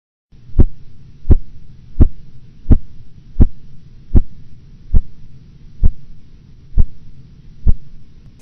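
Ten sharp, regular tapping beats at about 80 a minute over a low hum: Korotkoff sounds during cuff deflation.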